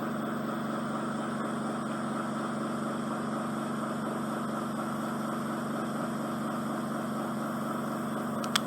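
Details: Endoscopic microsuction of soft occluding wax from a woman's right ear, with a past grommet and eardrum scarring, after a week of Otex drops, working near the superior quadrant of the eardrum: steady low suction hum with a faint rapid flutter.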